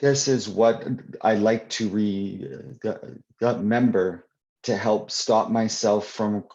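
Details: Adult man who stutters, heard answering a question in a live Q&A with part-word repetitions; stuttering.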